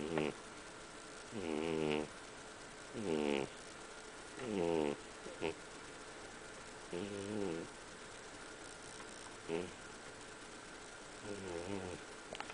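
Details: Sleeping cat snoring, described as very loud: soft, rhythmic voiced snores, one with each breath at about 40 a minute, over a steady background hum; snoring.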